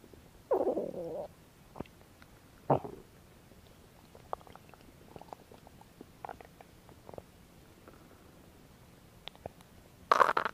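A few brief growls and faint clicks from the belly separated by long quiet stretches, with a louder burst at the end: stomach growling.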